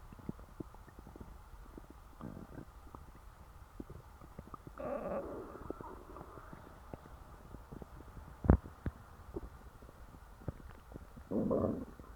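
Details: Stuffed stomach after a large meal: gurgling, rumbling growls with short bubbling bursts; ordinary digestive bowel sounds (borborygmi).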